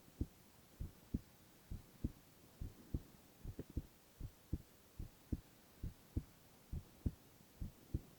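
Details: Male ASMR recording of heart sounds only, no talking: steady paired lub-dub heartbeats at roughly 67 beats a minute over faint hiss; normal heart sounds.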